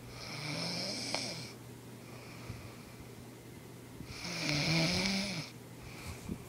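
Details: Sleeping woman snores with two long, rough, rattling inspiratory noises about four seconds apart, quiet breathing between, over a steady low room hum: snoring.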